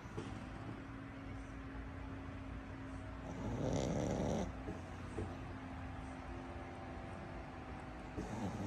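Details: Pug dog sleeping while hugging a pug doll, snoring: low, rattling snores over a steady background hum, with one louder, rougher snore midway.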